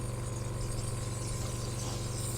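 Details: Nebulizer compressor running during a woman's morning breathing treatment at home (she has a feeding tube and later gurgling needing suction and cough assist): steady low motor hum with a faint rattle throughout.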